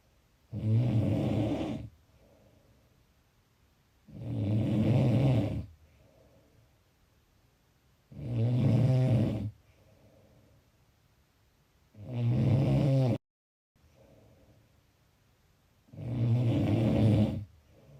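Loud, low, rattling snores on each breath in, about 15 a minute with quiet breaths out between them: steady snoring.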